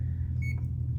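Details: CADD Solis infusion pump being programmed for plain bupivacaine intermittent boluses of 5–10 ml every one to two hours: a single short high electronic beep over a loud low hum, confirming a setting.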